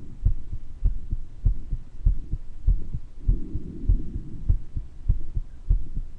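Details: Self-recorded heart murmur in a person with mild bronchitis: regular heartbeat at about 100 a minute with a soft rushing murmur between beats and brief wheezes and breath noise.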